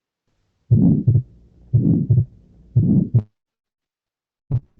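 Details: Atrial septal defect systolic ejection murmur.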